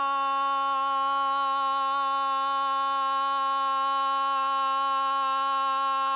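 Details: 59-year-old woman with Parkinson's disease, 2.5 years after diagnosis, on Parkinson medication, sustaining 'ah' on a deep breath as long as she can after intensive LSVT LOUD voice treatment; sustained loud, about 21 seconds; sustained vowel phonation after LSVT LOUD in Parkinson's disease.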